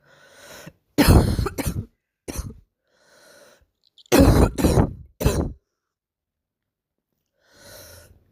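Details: A girl with a barking cough of unknown cause, recorded with poor sound quality: about six harsh, low-pitched coughs in two bursts, with quiet breaths between.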